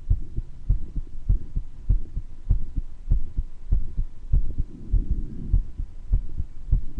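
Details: Self-recorded heart with a known murmur, person with mild bronchitis: regular heartbeat near 100/min with a low rumbling murmur between beats, occasional wheezes possible; heart murmur.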